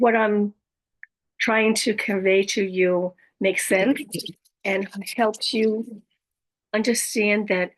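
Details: Adult woman with aphasia, apraxia of speech, dysarthria and other communication challenges after a stroke; aphasia with apraxia of speech and dysarthria.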